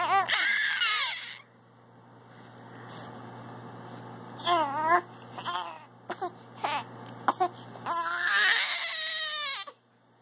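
An infant cries in rising, wailing bursts with short whimpers and pauses between them; ordinary infant crying.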